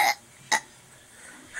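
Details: Young girl burping on request, two brief throaty bursts half a second apart with faint room noise; burping.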